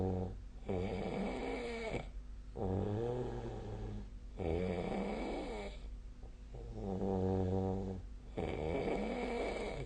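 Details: Heavy snoring during sleep: long, loud, vibrating snores on both inhalation and exhalation with short pauses, about 16 breaths a minute; daily snoring recording dated 2025/01/20, SnoreLab snoring app referenced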